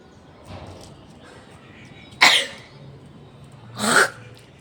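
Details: Woman on a rooftop, recently unwell, deliberately bringing on sneezes for a sneezing and nose-blowing challenge: two sharp, explosive sneezes a couple of seconds apart, with faint outdoor background noise.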